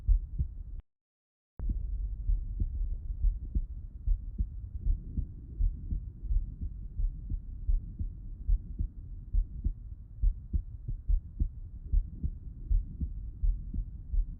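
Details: Heart auscultation by stethoscope with the person lying on the left side: steady, regular low heart thumps near 88 a minute with a brief dropout; normal heart sounds.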